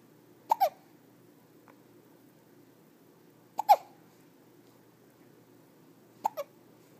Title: has the Hiccups